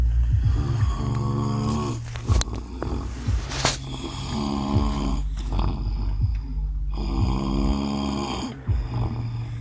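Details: Husband asleep in a car after an outing, snoring: loud, rough, low-pitched snores on each in-breath, several in a row with quiet gaps.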